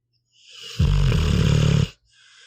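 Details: Sleeping pitbull dog: a single loud, low, rattling in-breath snore about a second long, snoring.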